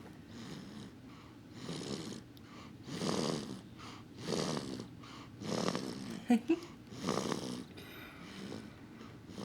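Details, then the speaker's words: 4-week-old infant boy asleep in his bed at about 2 am, with soft, regular snoring at roughly one breath every one and a half seconds; snoring. "This is you at 4 weeks old, snoring in your bed with your monkey lying on top of you, and your elephant and your turtle."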